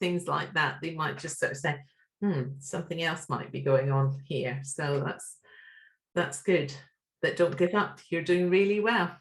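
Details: Adult woman speaking; normal speech.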